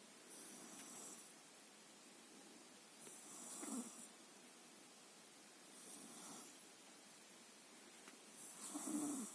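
Soft, regular snoring, one snore every two to three seconds, with a faint whistle on each breath over steady background hiss.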